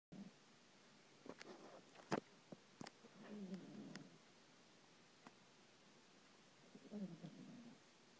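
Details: Pet named Chewbacca snoring while asleep in a chair: scattered clicks and snuffles, then two soft rumbling snores several seconds apart; harmless snoring.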